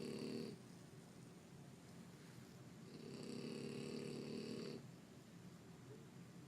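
Two rattling snore sounds on breaths in, separated by a quiet gap, with light room noise between them.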